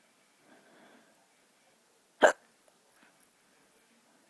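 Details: Hiccup from a drunk person: a single sharp, abrupt hiccup in a quiet room.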